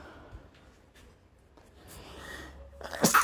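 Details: Adult male sneezing, part of a series of random, induced and cold sneezes that grow progressively louder and stronger; a quick indrawn breath, then one loud explosive burst, a single sneeze.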